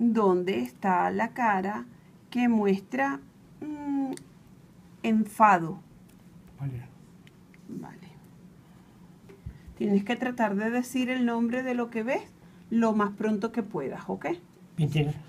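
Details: Adult female speech therapist; Normal adult speech.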